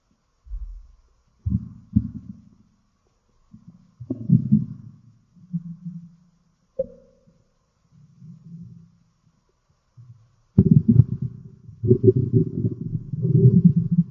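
Irregular low gurgles and rumbles with a long growl at the end, typical stomach growling, in a quiet room.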